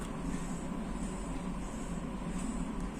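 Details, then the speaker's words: Electric medical suction machine with its port blocked so vacuum pressure builds up: steady low motor hum with a constant drone and no breaks; suction machine running. "now if i block that port you can see that pressure is building up that is vacuum is building up"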